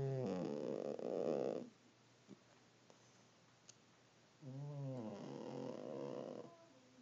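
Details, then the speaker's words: Two rumbling, raspy snores with a quiet pause between breaths from a cat sleeping in a bathroom sink: snoring. "this's my grandmother's cat sound asleep and think snoring listen [Music]"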